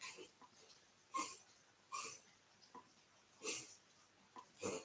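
Noisy, raspy breaths from a dog, about four within five seconds; wheezy breathing.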